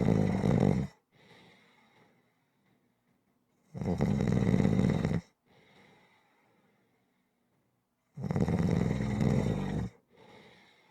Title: Snoring Sounds Rhythmic